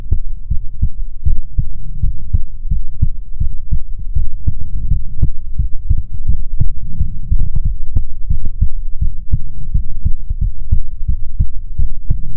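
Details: ASMR heartbeat recording from a female streamer, offered as soothing heartbeats: steady, muffled low thumps at a regular resting pace, recorded close up with a low hum underneath; heartbeat.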